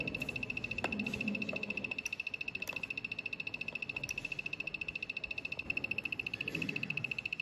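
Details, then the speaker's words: Steady high-pitched motor whine with rapid regular ticking as a low-cost Arduino Nano–driven ventilator mechanically pushes and pulls an Ambu bag; tidal volume, BPM and I:E ratio set by knobs, values shown in an app; ventilator operating. "As you can notice that in the app which we have developed, the values are changing as the ambo bag is pushing and pulling."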